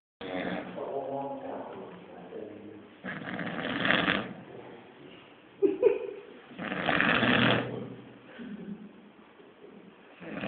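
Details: Man snoring, likened to a pig: loud, rough snores rising and falling with each breath about every three to four seconds, with a brief snort between. Snoring.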